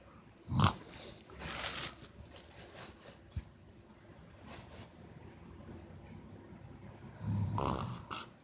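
A few harsh, rattling snore noises with snorts between quieter stretches of breathing; snoring.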